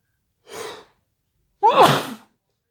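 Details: Induced, wet and intense sneeze: a quick indrawn breath followed by one forceful explosive sneeze.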